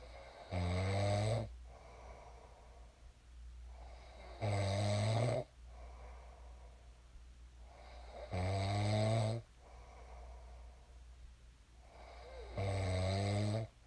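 Regular loud, buzzing inhaled snores about 15 a minute with quieter breathing between, against steady room hum; ordinary sleep snoring.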